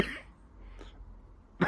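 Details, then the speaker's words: Two brief, deliberate, voluntary coughs from an adult clearing their throat before going out, one at the start and one at the end, separated by quiet. "so now I have two sardonic off before I go out even if I don't need to cough so excuse me"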